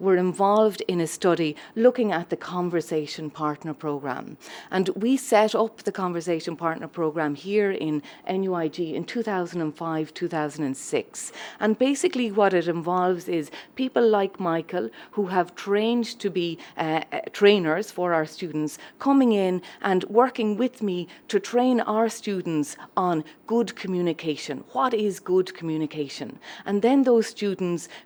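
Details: Adult woman speaking; Normal fluent speech.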